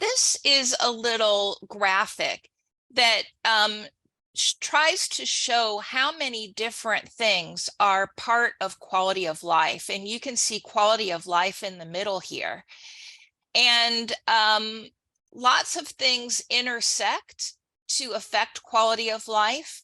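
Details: Adult woman; typical speech.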